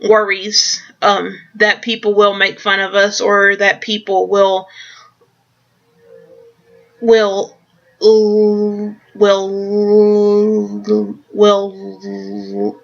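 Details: Adult who stutters; a word repeated several times, stuttering.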